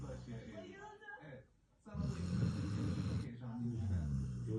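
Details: Sleeping Golden Retriever dog snoring: loud, rough, rumbling snores with a short quiet gap between breaths; ordinary snoring.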